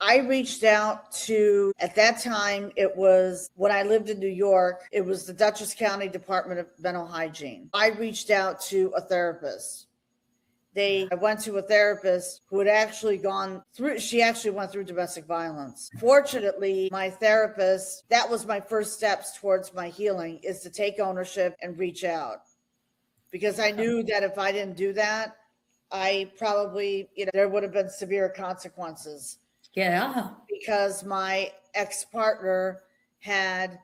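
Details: Adult woman speaking; normal voice.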